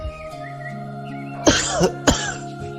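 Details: Two short, harsh coughs performed by an adult actor over background music in a Bengali audio drama, voicing a dying character; simulated cough.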